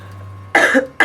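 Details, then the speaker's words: An adult demonstrates a cough into the elbow sleeve, the "vampire cough," in a Halloween flu-season germ-prevention message from a medical college; cough. "To prevent the spread of germs, practice what is called the vampire cough. Instead of cupping your hand to your mouth, simply cough or sneeze into the sleeve of your elbow."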